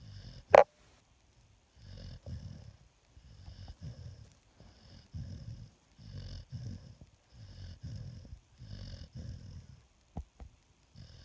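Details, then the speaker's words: Sadie snoring in sleep: soft, regular rumbling snores with each breath, about 8 over ten seconds, in a quiet room. "it's like you're just as bad about soring there honey yeah I know you're pissed I woke you up"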